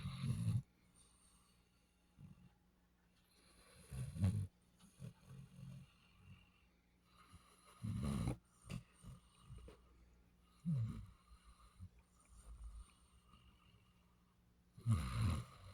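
Deep, rumbling snores with snorting breaths, roughly one every three to four seconds, from a sleeping dog: ordinary snoring.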